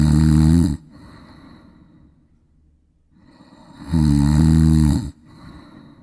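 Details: Mother made to snore deliberately, not in natural sleep: two loud, rattling inspiratory snores separated by quiet exhalation; simulated snoring.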